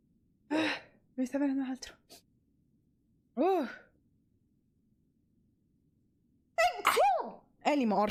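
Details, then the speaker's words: Person sneezes several times in quick succession, each with a sharp in-breath and a high-pitched explosive release, some in rapid pairs; repeated sneezing. "yeah sorry guys i'm a little sick right now oh"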